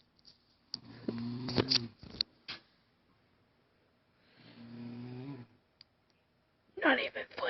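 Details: A sleeping friend snoring with two soft, rasping snores a few seconds apart, faint rustling, and a brief voice at the end.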